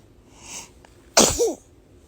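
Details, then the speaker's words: Baby or toddler sneezing: a soft indrawn breath, then one sharp, hissing infant sneeze with a brief voiced tail, followed by "bless you." "sneeze? Are you okay? Are you okay? Uh [Music] hello. Oh, bless you."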